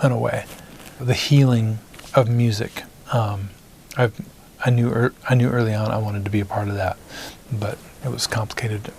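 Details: Adult man, a singer-songwriter, whose stutter began in first grade after his parents' divorce; stuttering.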